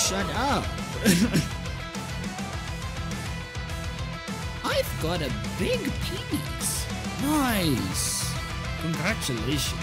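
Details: Adult with Tourette syndrome; involuntary vocal tic with obscene content; real vocal tics with coprolalia (Tourette syndrome).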